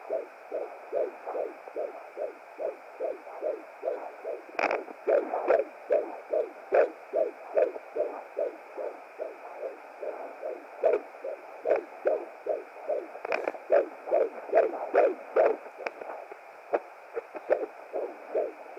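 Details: Fetal heartbeat at 17 weeks 5 days pregnant on a hired Hi Bebe BT200 home fetal Doppler: rapid, regular galloping whooshes at about 145 beats a minute.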